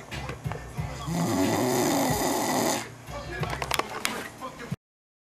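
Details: French bulldog snoring: a loud, rattling snore on a drawn-in breath, then quieter snuffling sounds, with background music.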